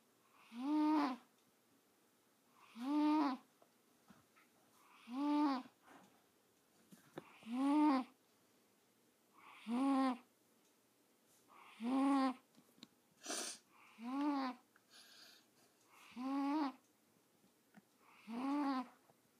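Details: About 9-year-old female cat asleep: regular, tonal, whistly sounds on each breath, about 27 a minute, in a quiet room; snoring.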